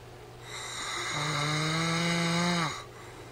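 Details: Adult man (husband) snoring: one long, loud, rattling snore on a breath in, rough and buzzing, with quiet room noise before and after.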